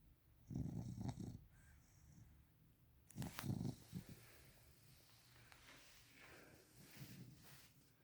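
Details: Sleeping Victorian Bulldog puppy snoring: low, rough snorting breaths in a soft, irregular pattern.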